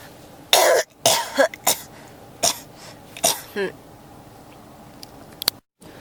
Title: 咳が止まらない 32～40 cough